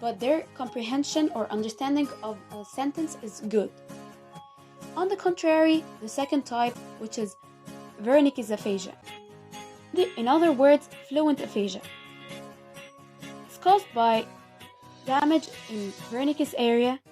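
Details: Adult narrator; normal speech.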